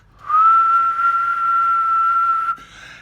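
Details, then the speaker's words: A stroke survivor with aphasia simulates the tinnitus in the ear that lost hearing after the strokes: a steady, high-pitched whistling tone lasting about two seconds. "my ear stopped working and I can't hear any word out of it but I can hear the whistling now"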